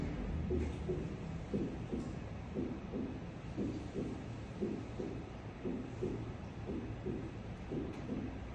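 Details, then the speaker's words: Heartbeat near 58 per minute at the cardiac apex; the first sound's two closely split components sound single, the first louder and the second usually not evident; normal single first heart sound at apex. "En estos casos, a nivel de la punta o algo por fuera de esta, el primer componente es más intenso que el segundo y el segundo componente habitualmente no es evidente. De manera que el ruido parece ser único."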